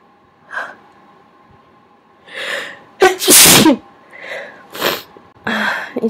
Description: A bunch of huge, wet sneezes and me talking about sneezing at someone's request.